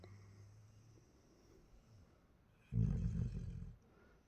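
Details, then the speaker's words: Child sleeping face-down at 2:47 a.m., who snores like this every night, gives a single loud, low, rattling snore rising out of quiet sleep breathing, then fading; snoring. "মানে ও প্রত্যেকদিন এরকম নাক ডেকে ঘুমায় সেটা আমি আজকে হাতে নাতে প্রমাণ দিচ্ছি"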